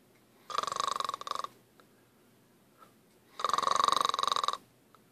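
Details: Snoring: two fluttering, rattling snores on successive breaths about three seconds apart.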